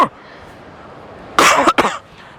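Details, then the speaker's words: Man outdoors doing a prank of coughing on strangers, giving two harsh, forceful coughs in quick succession; started faking but says the coughing became real, with chest hurting and throat feeling raw. "oh bro you know it's crazy bro i really started coughing almost my chest hurt like right now cuz i just started coughing hardest bruh"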